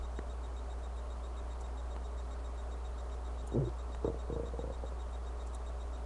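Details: A hungry person's empty stomach growls: a steady low hum, then a short cluster of gurgling, squeaky rumbles near the end, typical of hunger-related stomach growling (borborygmi).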